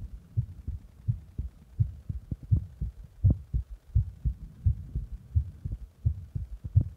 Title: My heartbeat after press my heart